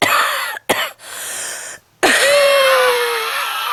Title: Lying Down Smoking with Heavy Coughing and Wheezing